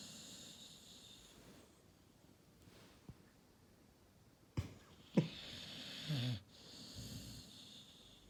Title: Snoring Cane Corso wakes up with one word #canecorsopuppy #canecorso #funny